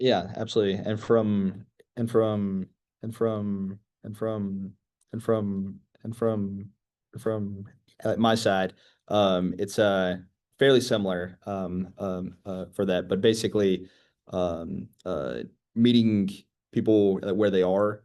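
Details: 25-year-old man who began stuttering at age 13, real person who stutters; stuttering.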